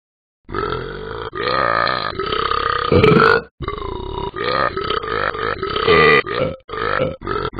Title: Talking Bens endless burping problem